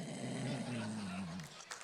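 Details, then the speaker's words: Adult's vocal imitation of snoring, attempted as a sleep apnea impression: single drawn-out, low, rumbling voiced sound over a second long; judged just ordinary snoring. "no wait wait that's just snoring that was just snoring that was just snoring"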